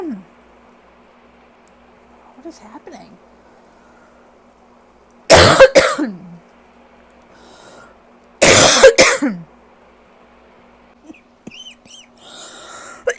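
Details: Allergy cough after coughing all day with a very tight chest: two loud, rough coughing bouts, each a burst of several harsh coughs, with quiet breathing between.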